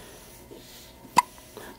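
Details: Two-day-old baby girl with hiccups, seemingly not bothered: a single sharp, brief hiccup against quiet room noise with faint soft sounds; hiccups.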